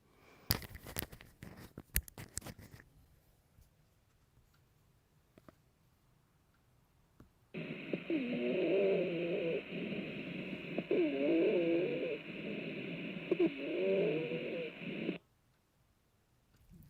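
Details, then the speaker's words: Breath sounds example from a dysphagia teaching session: low-pitched rumbling, snore-like sounds with breathing, attributed to secretions or aspiration in the airway; rhonchi. "this is due to Something in the airway can be secretions or aspiration so I want you to hear ronai or low pitched whe"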